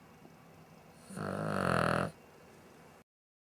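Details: A dog snoring: a single snorting, rattling snore lasting about a second, with quiet room noise on either side.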